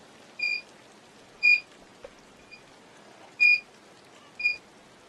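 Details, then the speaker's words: Repeated short high-pitched electronic beeps over quiet room hiss, the alarm the user's medical machine sounds when they are too slow; medical device alarm beep. "It's going to beep though. I can't control that. But you about to hear the beep that I always hear if I'm too slow."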